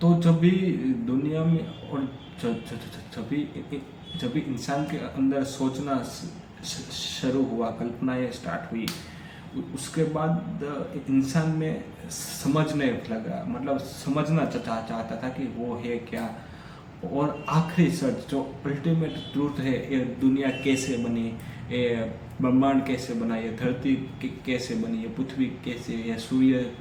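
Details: Adult man who stammers, speaking continuously as daily fluency practice: stammering.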